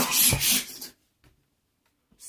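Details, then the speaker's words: Single forceful, explosive sneeze in a comedic skit acting out types of sneezes, with the speaker mentioning allergy and a cat; followed by near silence and a faint breath. "got me oh is there a cat in here oh i think i'm gonna oh dang that was a big sneeze"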